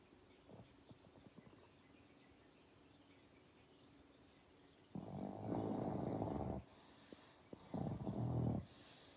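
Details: Sleeping pug snoring: two long, rough, fluttering snores over quiet room noise.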